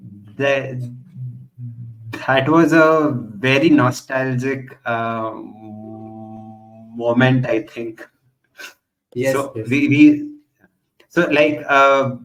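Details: Real, self-identified stuttering in a male podcast host who stutters and belongs to a stammering association; finding: stuttering.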